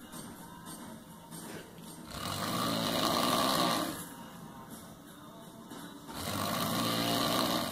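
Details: Snoring: harsh, noisy snores rising and falling with breathing, about 16 a minute, over steady room noise.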